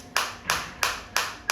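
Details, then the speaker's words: Sharp, regular clicking pulses, about three per second, from a focused (not radial) shockwave therapy applicator at minimum intensity, frequency raised toward 180; shockwave therapy applicator firing. "Frequency में आपको change आता दिख रहा है। Sound के साथ भी पता चल रहा है। फील हो रहा है 180 180 अब आप देख सकते हैं।"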